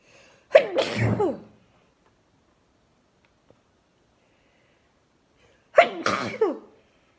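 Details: Two forceful sneezes into a face shield, triggered by Chinniki powder; each a sharp burst then a voiced "choo", several seconds apart, followed by a relieved "Phew."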